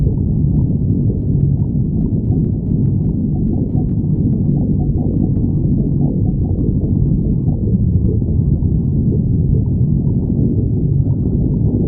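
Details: Borborygmi (stomach growling): continuous low, deep rumbling and gurgling throughout, from gas and fluid moving through the gut.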